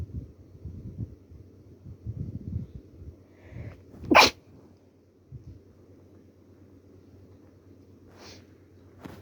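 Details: Sneezing during a cold with a little stuffiness: one sharp, loud sneeze over low room noise, with faint breathing before it and a softer sound afterward.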